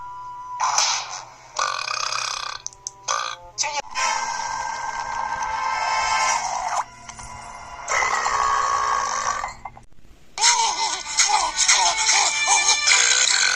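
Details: Simulated cartoon-character burps, a compilation: several loud, drawn-out burps over background music, with dialogue about stomach growling and pressure.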